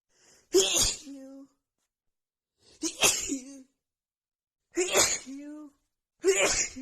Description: OMGGG i literally just could not stop sneezing. Hayfever just sets my nose of really bad!!!